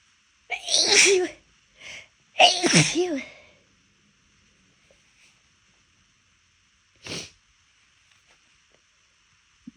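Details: Two loud sneezes after a short held-back build-up, then a smaller stifled sneeze, from a person deliberately trying and failing to hold sneezes back.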